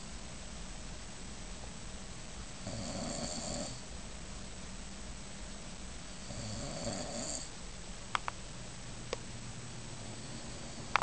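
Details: Person snoring in a hotel room: two rasping snores about four seconds apart over steady room hum, then a few faint clicks.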